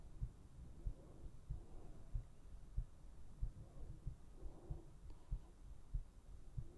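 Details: Steady, low thumping heartbeat at about 94 beats a minute with faint room hum; normal heart sounds.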